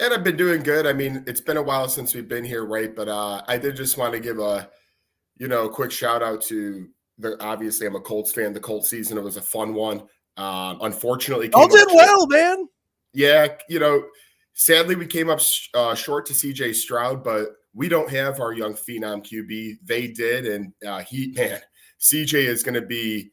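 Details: Adult male speaker; normal voice.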